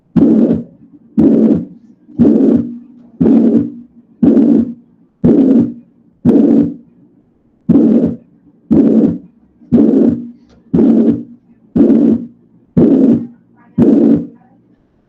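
Loud, harsh, vibrating murmur filling each systole evenly from start to end, about 60 cycles a minute, with little gap before the next beat. A bar-shaped holosystolic murmur typical of a ventricular septal defect, a congenital opening between the ventricles.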